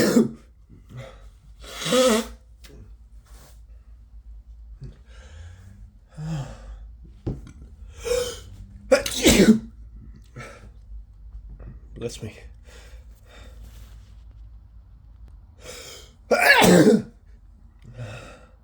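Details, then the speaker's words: Adult male with a cold, sneezing all day, has a desperate, rapid fit of several wet, forceful sneezes over about twenty seconds, with sniffing and quiet breaths between: a cold sneezing fit. "I can't I can't stop sneezing so wet yeah oh my God I'm just so sick I've been sneezing all day there's another one oh my God I think there's still more my nose it's still still itching"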